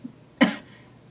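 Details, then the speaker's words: Adult woman with a sore throat and a dry, tickly cough: single short, dry cough burst in a quiet room, no rattle or wet sound; dry cough. "I'm battling a sore throat and I'm really bad like dry tickly cough at the moment I apologize I sound really bad right now and this tickle is like it's driving me insane"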